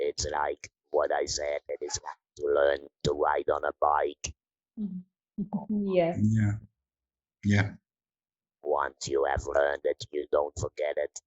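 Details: Adult woman from the Netherlands who has had laryngectomy surgery, leaving her with no natural voice, now speaking with an Inspiration electrolarynx; electrolarynx speech after laryngectomy.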